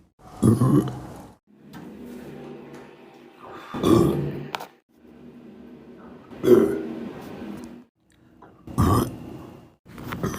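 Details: Young male, deliberate burping: four loud, low, croaking burps with quieter drawn-out belching between them, in a small room; repeated eructation.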